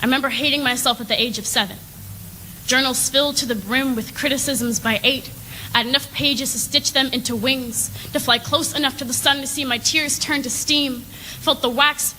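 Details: Adult woman; Normal speech.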